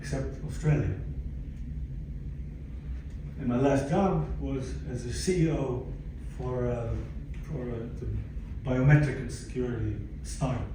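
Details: Adult man, 62, with aphasia acquired after a stroke in December 2011 that followed a cardiac ablation for arrhythmia; he describes loss of languages and speech and attends aphasia-center speech therapy; aphasia.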